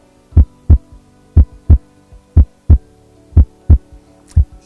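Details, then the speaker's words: Normal heart sound played as a stethoscope demonstration: a steady lub-dub at about 60 beats a minute, two crisp sounds per beat, with no murmur between them. "Entonces qué es lo que se escuchaba con estetos como lo que ustedes están escuchando en este momento esto que ustedes están escuchando ahora es un latido normal"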